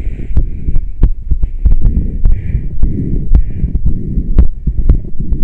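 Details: Heartbeat recorded after about ten minutes of on-and-off breathing into a plastic bag through a straw without fresh air: steady low thumping at about 58 beats a minute.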